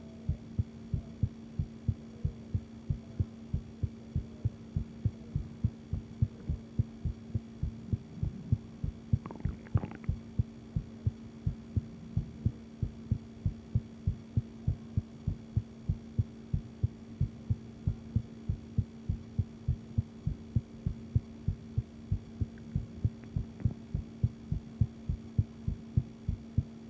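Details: Adult woman's self-recorded heartbeat with a visible pulse: steady, rapid low thumps over a constant background hum. She asks whether it sounds healthy.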